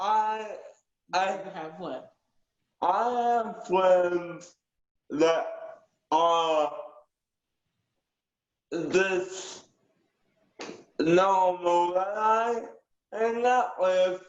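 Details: Aphasia with cerebral palsy in a 19-year-old male; switches up words when not understood. Aphasia.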